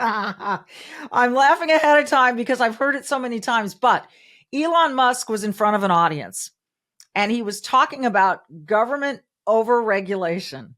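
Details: Adult woman; normal speech.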